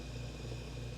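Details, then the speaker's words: HK Aspirator suction pump running in continuous mode, not on foot switch: steady low motor hum and whir with no breaks. "Push on the foot switch to turn the aspirator on. If the suction is too strong, turn the dial down towards minimum."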